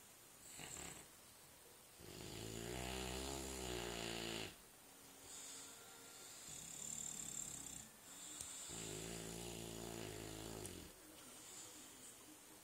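Two long, low, rattling inhaled snores with quieter breaths between, in a quiet room; ordinary snoring.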